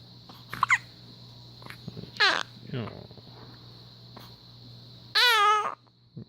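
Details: Hiccups: a few short, abrupt voiced catches spaced irregularly, with a longer vocal sound near the end.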